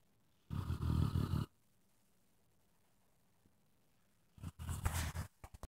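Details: Sleeping dog snoring: loud, rough, rattling snores about four seconds apart with quiet pauses between.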